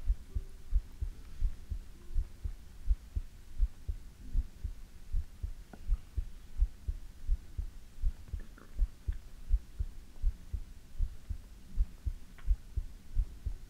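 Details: Steady, low thumping heartbeat at about 83 beats a minute with a faint hum behind it, recorded for ASMR; a normal heartbeat.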